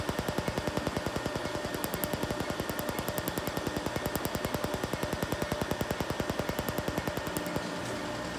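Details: Rapid, even snapping pulses, two to three a second, over a steady machine hiss, stopping near the end, from a laser removing a ring finger tattoo; laser tattoo removal pulses.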